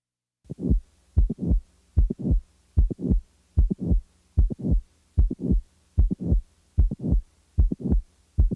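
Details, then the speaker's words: Simulated heart sounds, late systolic murmur in mitral valve prolapse, regular at about 75 beats a minute: a mid-systolic click is added, then a late systolic murmur; mid-systolic click with late systolic murmur. "now the mid-systolic click is added now a late systolic murmur is added"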